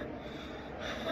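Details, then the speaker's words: Brief, noisy breath sound with a faint musical tone during expiration, recorded from an asthma patient: expiratory wheeze from narrowed airways, indicating obstructive lung disease such as asthma or COPD. "everybody should know the musical sound during expiration this indicator of structure lung disease that is maybe asthma or asthma osteopathy as more COPD this is called obstructed lung disease remember this"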